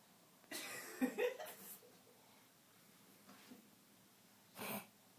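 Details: Hiccups in a quiet room: a few short, sudden breath catches with soft snort-like bursts; the person says they have always had hiccups like this.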